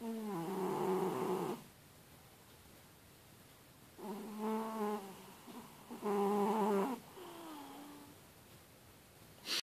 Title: Ciccio detto "polpetta", il gatto che russa come un cinghiale....